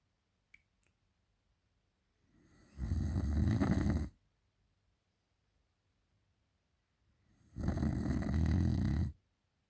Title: Me snoring after a long day at work